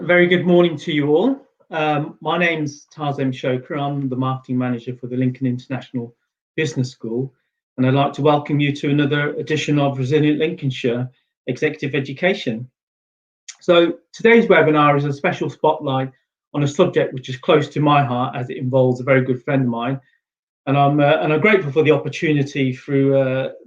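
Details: Adult male speaker; ordinary speech.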